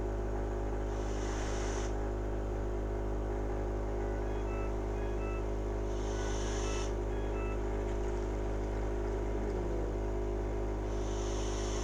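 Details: A person with ALS using a mechanical insufflation-exsufflation (cough assist) device: steady machine hum with a rushing air surge about every five seconds, clearing phlegm from above the tracheostomy cuff.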